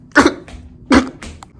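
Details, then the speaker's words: Two sharp, explosive sneeze-like bursts, each with a softer tail, in a comedic COVID-themed basketball skit attributed to a man sneezing. "Bro, just sneezed, bro."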